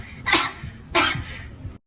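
Two short, sharp coughs from a child, acted for a comedy skit.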